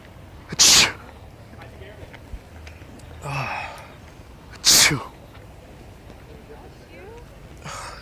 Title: sneezing on people in the street